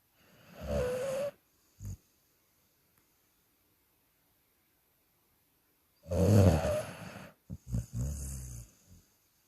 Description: Wolf (the Dog) snoring 😴